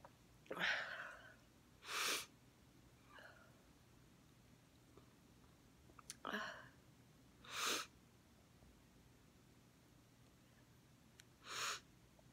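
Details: Five sharp explosive sneezes over about twelve seconds from a girl, some with a short inhaled lead-in, face uncovered, in a quiet room.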